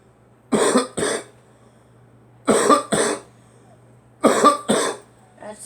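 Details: Three pairs of harsh, loose coughs a couple of seconds apart, a smoker's cough.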